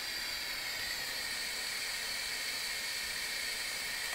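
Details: Steady loud hiss of gas flow with no pauses from a UCL-Ventura CPAP flow generator while the flow is adjusted; the flow is turned up when it is too low to keep the CPAP valve open.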